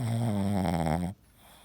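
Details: Sleeping Boston terrier twitching and dreaming with one eye open: one long, loud, buzzing snore, then quiet; ordinary dog snoring.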